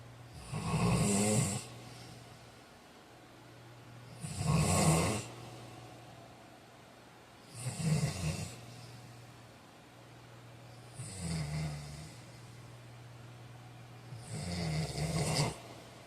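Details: Loud, rough snores on each inhalation, about 17 a minute, some with snorting, over a low room hum; snoring during sleep.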